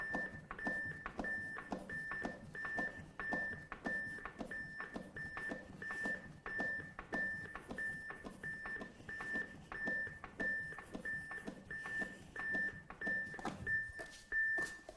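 Steady high-pitched prompt beeps from a training defibrillator, about 92 a minute, pacing chest compressions during CPR.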